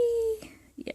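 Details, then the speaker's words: A person imitates a pet cat's snore with a thin, steady high squeak, like air slowly let out of a balloon; imitated snoring. "my catala is snoring the background and when she snores it sounds like have you ever let the air out of a balloon very very slowly and it's just a sque"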